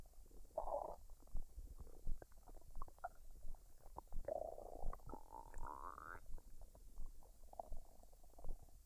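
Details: Adult woman's stomach digesting after eating fried rice and duck, unedited recording with no artificial sounds; normal bowel sounds.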